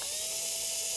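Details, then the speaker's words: Implant drill at high speed (about 2000) on a practice model without water, cutting a small pilot osteotomy: a brief, steady high-pitched whine; dental implant drilling. "I drilled these ones high speed it's high speed usually 2 000 and tons of water obviously this is the model so I'm not going to put water on it"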